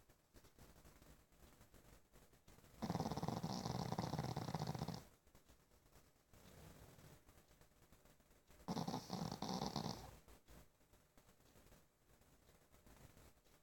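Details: Sleeping pug snoring: two loud, rough, rattling snores about six seconds apart over quiet room noise.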